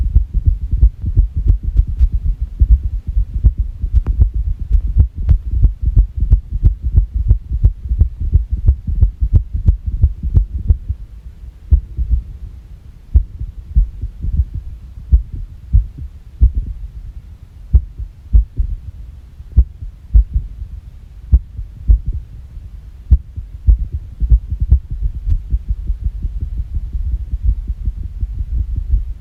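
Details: Irregular heartbeat recorded after a shock, after which the heart reportedly stopped for 9 seconds: low heart thumps with uneven spacing and shifting strength.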